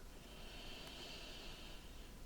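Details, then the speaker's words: Simulated ASMR doctor-checkup roleplay: one quiet, smooth, deep breath of soft airflow heard while the patient breathes in and out on request, with no crackles or wheeze; clear, normal breath sounds. "And your lungs actually sound really clear. Okay. Alright, no crackling or anything like that."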